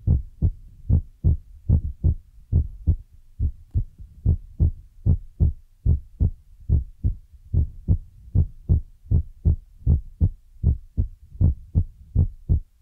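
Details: ASMR relaxation recording with a heartbeat trigger among feather, brush and ear-massage sounds, from a Chinese young woman: steady paired low thumps of a heartbeat at about 75 beats per minute.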